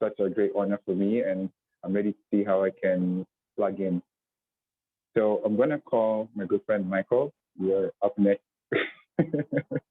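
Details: Adult speaker; typical speech.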